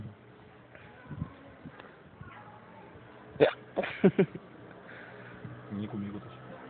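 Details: Several abrupt, sharp gulping hiccups close together from a man sitting in a park, amid outdoor background chatter.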